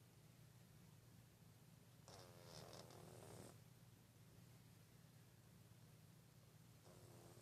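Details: A single drawn-out, rattling, human-like snore from a sleeping cat over a steady low background hum; ordinary sleep snoring.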